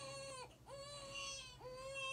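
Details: An infant cries loudly in sustained, high-pitched wails with brief catches of breath, a recording of the artist's own son used in a song.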